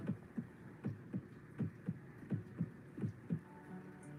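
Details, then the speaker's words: Steady heartbeat about 80 a minute with a faint soft whoosh between beats, illustrating a soft, quiet heart murmur in dogs and cats; music begins at the end. "These are known as acquired murmur heart murmur can be soft and quiet like this or they can be very loud sometimes accompanied by a buzzing feeling like [Music] this"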